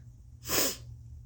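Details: Single sharp, forceful, hissing sneeze through nose and mouth, deliberately induced with turmeric while trying to force a sneeze attack.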